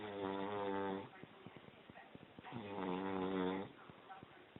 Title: Snoring Dragon